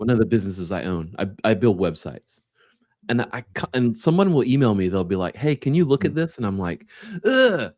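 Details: Adult man speaking; typical speech.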